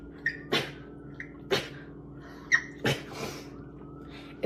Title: girl sneeze compilation